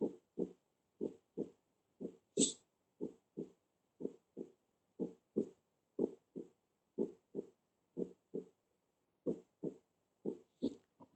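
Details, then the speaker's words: Regular paired heart sounds at about 60 beats a minute with no murmur or rub between them: normal heart sounds. "lo pueden encontrar nada porque este ruido cardíaco normal ruido cardíaco normal ya quieren encontrarle un soplo pero no lo pueden tener"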